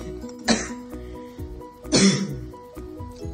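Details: Adult still somewhat sick after about five days of illness, recovering: two loud, harsh cough bursts with background music playing.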